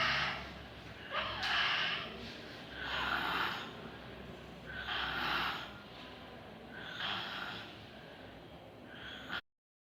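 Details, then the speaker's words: Snoring in a child, a low-pitched nasopharyngeal respiratory noise; adenoid hypertrophy is the most common cause in the pediatric age group. "the most common cause for snoring in pediatric age group is adenoid listen to this snoring"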